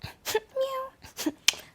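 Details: Young woman with Tourette's syndrome for most of her life; vocal tics, which she describes as clicking sounds, random gibberish and frequent meowing.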